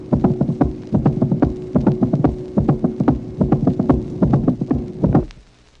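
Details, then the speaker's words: Patient with an artificial ball-in-cage (Starr) mitral valve, from a 1966 auscultation teaching record, tracing 5: sharp metallic clicks in clusters in diastole after S2 as the ball strikes the cage walls; prosthetic mitral valve clicks. "Tracé numéro 5. Autre exemple de valve mitrale artificielle. Ici, toutefois, en diastole, après le deuxième bruit, on entend plusieurs claquements correspondant au heurt de la balle sur les parois de la cage."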